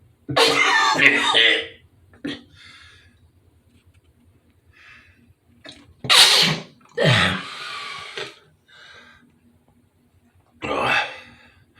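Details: Man sneezing: several loud, sharp bursts of air with explosive onset, some with a brief drawn-in breath before them; repeated sneezes in a small room.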